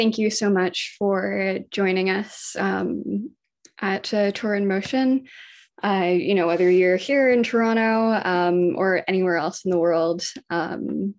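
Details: Adult woman speaking; normal voice.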